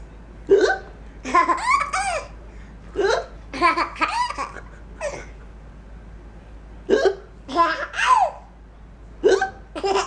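Repeated sharp voiced gulps with squeaky catches, mixed with laughter; hiccups, about eight in ten seconds.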